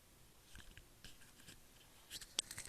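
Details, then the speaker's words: Patient with bronchiectasis on clinical chest examination: scattered short popping and crackling clicks over quiet breath sounds. These are late inspiratory coarse crackles (crepitations), pointing to secretions in the airways. "sound of the crackles I will repeat it so this is a crackle sound this as we see late in spiritual course crepitation"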